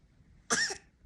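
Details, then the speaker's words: Baby coughing while hiccuping, sitting and crawling on a raised surface. "边打嗝边咳嗽，又要掉下去了呀！"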